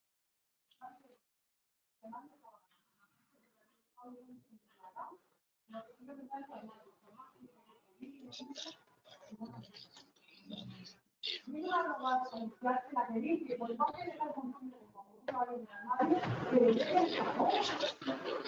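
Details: Alaryngeal speech in a male patient after total laryngectomy: esophageal voice first, then tracheoesophageal prosthesis voice, with the stoma occluded so air passes through the valve.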